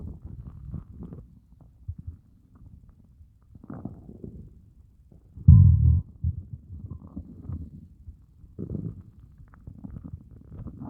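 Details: Stomach growling after a fast of over 30 hours: low, irregular gurgling and groaning rumbles with one louder burst midway; hunger borborygmi.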